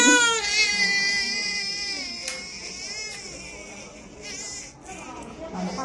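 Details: Newborn baby crying after vaccination injection: loud, sustained high-pitched wails with rising and falling pitch, fading to quieter whimpers.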